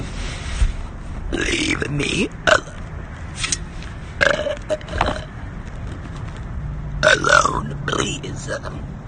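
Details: Woman burping: several low, rough, voiced belches in a row with quiet background noise between them; repeated burping.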